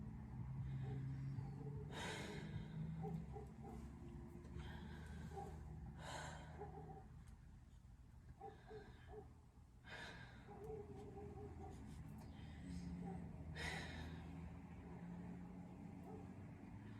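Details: During a recorded medical physical assessment, a patient takes slow, even, deep mouth breaths, about four or five, over quiet room hum: normal, unlaboured deep breathing with no added sounds.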